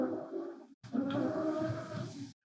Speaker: I wonder if Desmond's going to be able to hear in the background Squeezel the dogs snoring. >> I can hear it. It's pretty cute.